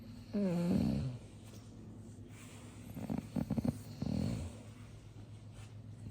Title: #Bassethound Beauty Day, I snore contentedly😁